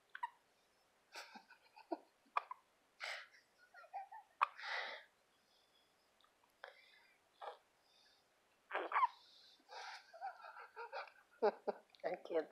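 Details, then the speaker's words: Small child with hiccups: repeated short, abrupt squeaky catches in the breath with breathy sounds between, likened to the squeaky Toy Story aliens. "sound like the little squeaky aliens from Toy Story. You know that? That's what you sound like. Mean old hiccups."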